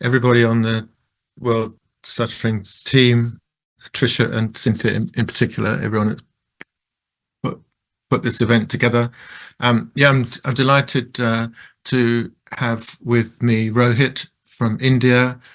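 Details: Adult male who describes himself as a person who stutters; stuttering.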